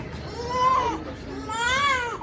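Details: Young child, reportedly with cold, cough and fever, cries in two strained, rising-and-falling wails with a clear pitched tone.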